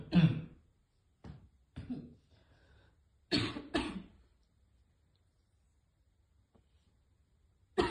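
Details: Girl repeatedly trying to hit a vape, failing and choking on the vapour, causing about six harsh, choking coughs in scattered bursts, a few strong, then a final one; cough after inhaling vapour.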